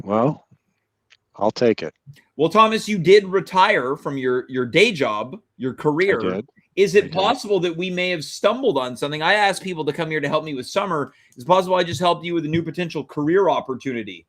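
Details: Adult male speaker; Normal speech.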